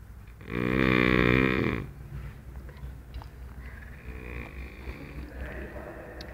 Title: snoring hard